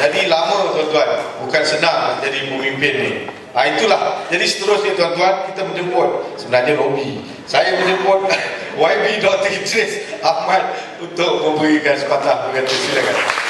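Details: Adult male speaker; normal speech.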